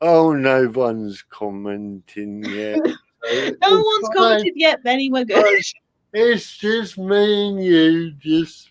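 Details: Adult man with spastic cerebral palsy caused by lack of oxygen at birth, affecting limb control and speech; dysarthria (spastic cerebral palsy).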